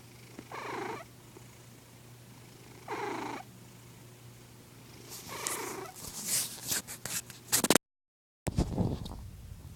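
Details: Snoring from an old sleeping cat: three soft, rhythmic, breathy snores about two to three seconds apart, then handling noise.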